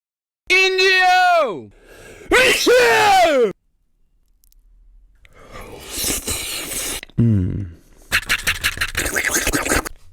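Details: Several loud, sudden voiced bursts, each with a falling pitch and a noisy blast of air; a run of repeated sneezes.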